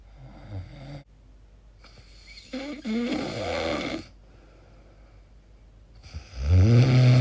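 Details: Person recorded asleep, own question whether snoring or sleep apnea; deep fluttering snores with quieter gaps between breaths, ending in a loud rumbling snore; described as very strange sleep noises; snoring.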